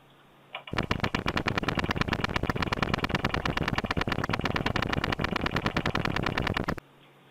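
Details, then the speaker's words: Needle EMG during voluntary activation: rough crackling static from few, very polyphasic motor units with reduced recruitment, associated with significant weakness. "for the neurologists these motor units are very polyphasic they're with reduced Recruitment and there are very few motor units found and that Associates with a significant weakness"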